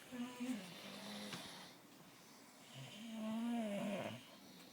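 Drawn-out, tonal, honking snores with a rising and falling pitch on the breaths: snoring.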